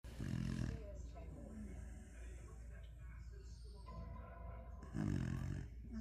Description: My beagles Love Nap time the kid and mom and one snoring #beagles #dogs #puppies